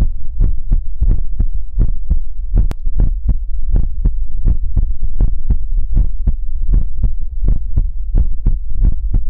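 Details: ASMR livestream heartbeat sound for relaxation: steady, regular paired lub-dub thumps at roughly 85 a minute; an ordinary heartbeat rhythm.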